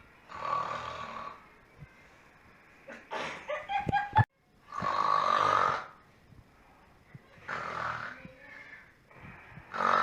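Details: Person snoring: loud, rough snoring breaths repeating every few seconds, with brief clicks and rustling between.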